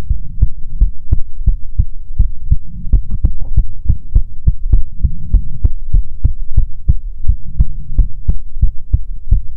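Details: Steady, regular, low thumping normal heartbeats with even rhythm over a soft background hum.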